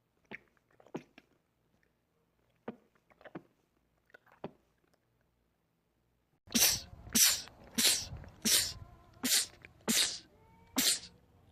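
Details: Male rapid sneezing attack from a sneezing compilation: soft sniffs and catches, then about seven loud, explosive sneezes in close succession; sneezing fit.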